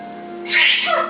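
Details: A 10-month-old Timneh Grey parrot gives a single brief, hissing sneeze, with a faint tonal hum in the background; the owner remarks it is allergy.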